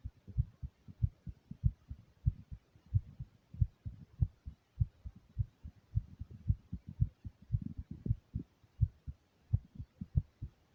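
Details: First self-recorded adult heartbeat: brisk, regular low paired thumps at a slightly quick rate; the recorder says they were excited and nervous.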